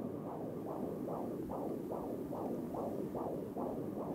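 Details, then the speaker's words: Fetal heartbeat at a first prenatal visit, picked up with an electronic Doppler device: rapid, regular whooshing pulses at about 140 a minute, a normal fetal heart rate (about 120–160). "a patient hears a heartbeat for the first time they're often surprised by the sound of it um it's very fast it's normally between about 120 and 160 although could go with just a little bit higher"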